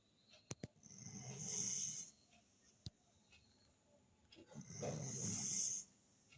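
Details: Mother dog of puppies in deep sleep: two long, hissing, rattling breath sounds with quiet pauses between them; snoring.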